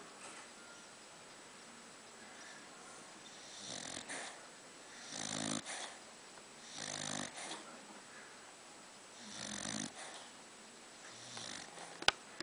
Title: My Loud Snoring Dog